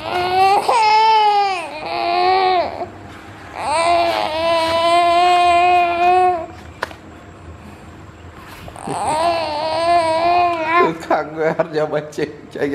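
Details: Long, loud, clear crying wails from a baby, three sustained bouts with short pauses and breaths between, ending in broken sobbing; infant crying.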